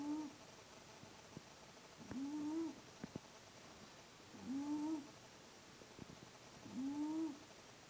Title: Wheezing Cat